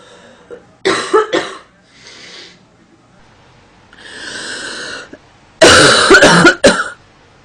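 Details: Acted female coughing as a sound effect: a double cough, soft breaths, then a harsh run of three or four coughs.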